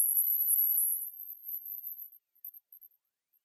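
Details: A thin, very high-pitched steady tone that fades and breaks into brief faint bursts, played to test high-pitch hearing: a high-pitched hearing test tone.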